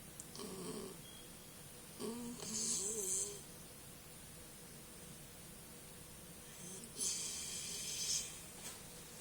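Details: A sleeping puppy makes soft, irregular snuffling snores with faint whistly tones, a few seconds apart; light snoring.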